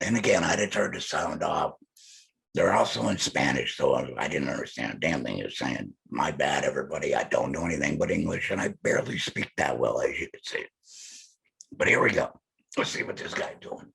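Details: Man who implies he is a laryngectomee; alaryngeal speech (laryngectomee)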